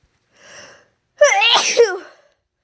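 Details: A short breath in, then a single loud voiced sneeze, deliberately induced after months without inducing; sneeze.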